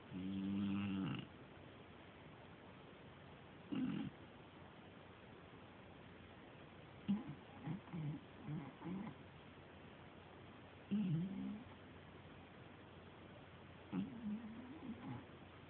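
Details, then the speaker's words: Female dog snoring at 1 a.m.; she snores very loud habitually: soft, intermittent throaty snoring sounds against steady background hiss; snoring. "that would be my dog Billy snoring I think I just woke her"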